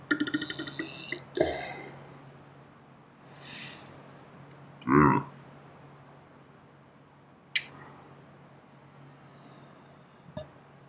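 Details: Slowed-down, slow-motion playback of a person deliberately burping: a low, drawn-out, nasty belch among faint grunts and clicks; an ordinary burp.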